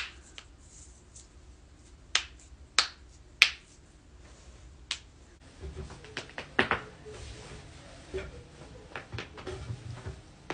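Sharp, isolated popping clicks at irregular intervals, typical of knuckles or joints being cracked.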